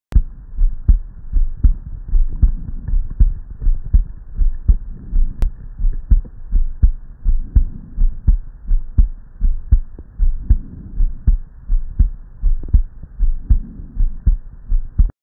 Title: Normal Heart Sound Recording & Waveform | Eko Health